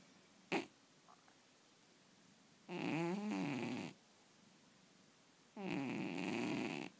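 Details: Sleeping cat snoring while dreaming: two soft, buzzing snores about three seconds apart, with a brief snort at the start; harmless sleep snoring.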